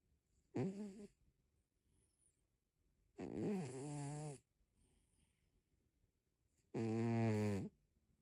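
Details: Snoring from a sleeping tabby cat.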